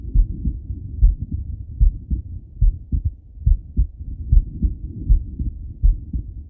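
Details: Male lying on his left side, heart heard through a stethoscope: low, dull paired heartbeats at roughly 70 beats per minute; heart sounds.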